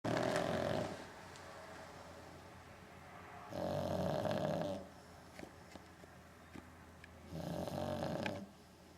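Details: Man asleep and snoring, not waking when called: three loud, rumbling snores about every three and a half seconds, roughly 17 breaths a minute, with quiet between.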